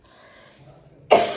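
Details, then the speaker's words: A quiet room, then one abrupt, explosive cough at the end, from an adult woman with a recurrent chronic cough that became phlegmy and brings tears; she reports urine leaking when coughing. "ब अब ये खासी बस रुकेगी नहीं खाली जबरदस्ती ये चले ही जाएगी रुक गई ना ज कर रखा है इसलिए जबरदस्ती रोक रही है फोर्सफुल खांसी आती है"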